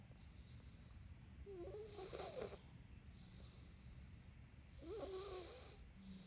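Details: Snoring in a sleeping cat: soft, whistling snores, about 20 breaths a minute, over a steady background hum.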